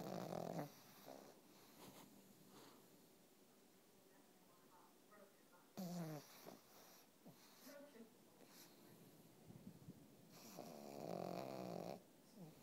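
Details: Family pug snoring like a human: several loud, rough, fluttering snores with quieter breathing between them.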